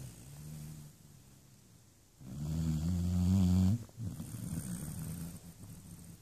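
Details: Labrador puppy sleeping: one deep, loud, rumbling snore between quieter breaths; ordinary snoring.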